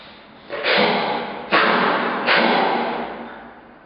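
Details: Juvenile grey seal (Halichoerus grypus) in rehabilitation with hiccups, forcing coughs to stop them: three abrupt, noisy snorting bursts about a second apart, each fading slowly.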